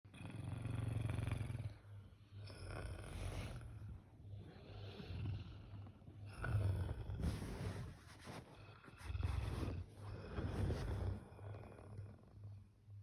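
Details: Adult snoring loudly on Christmas morning; loud, low, rattling snores in repeated bursts, about four or five in thirteen seconds, with quieter breathing between. Snoring.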